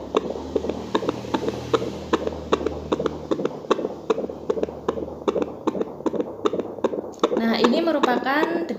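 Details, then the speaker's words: Home fetal Doppler self-monitoring in pregnancy, distinguished from the weaker maternal pulse; monitor reads 123, regular rhythm, rate and rhythm within normal limits; rapid, regular swishing heartbeats: normal fetal heart sounds. "jadi di monitor ini menunjukkan angka 123 itu tandanya dc-nya normal selain itu juga kita bisa mendengarkan iramanya ya ini kan artinya iramanya teratur"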